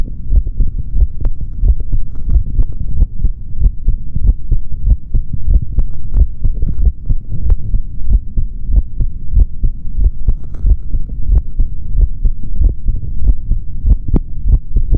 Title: ASMR MALE SOUNDS INSIDE BODY | Stethoscope | HeartBeat | No Talking |